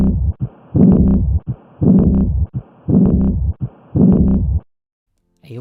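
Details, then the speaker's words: Simulated heart sounds at about 56 beats a minute with an aortic regurgitation murmur: a soft blowing early diastolic decrescendo murmur. "the first one is aortic regurgitation this murmur is heard during diast and is considered an early diastolic murmur it is represented pictorially with a de Crescendo sound wave"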